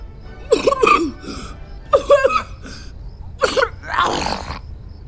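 Several short voiced coughs in quick clusters with quiet gaps between them, in a quiet room.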